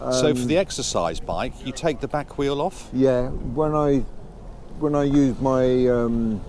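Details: Adult male speaker, outdoors; Typical speech.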